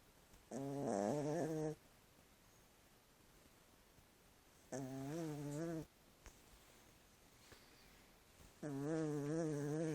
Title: My chihuahua snoring